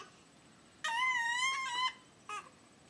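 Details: Infant practicing new sounds: a high, wavering squeal of about one second, then a brief second squeak. Infant squeal.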